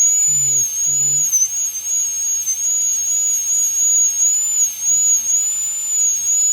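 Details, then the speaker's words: High-speed dental handpiece correcting under-reduction (about 1 mm measured, 0.2 mm left for finishing) in a full metal crown preparation on tooth #46 in a phantom head: steady high-pitched whine, with a brief low voice at the start. "Okay, so I will just correct it. We are already leaving 0.2 mm for finishing, but cannot leave 0.5 millimeter for finishing."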